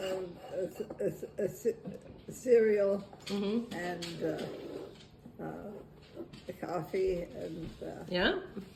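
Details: Broca's aphasia in a 90-year-old woman during recovery from a left ischemic stroke, with hesitations and fillers.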